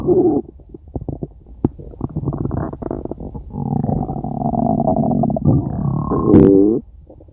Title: Stomach Growl 2